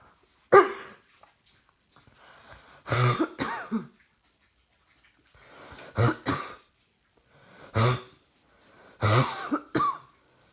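About eight coughs in short bursts of one or two over ten seconds, in a quiet room; repeated coughing.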